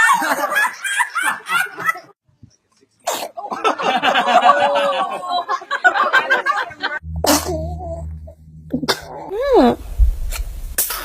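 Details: Baby sneezing: a small, sharp sneeze burst, with adult laughter and chatter around it.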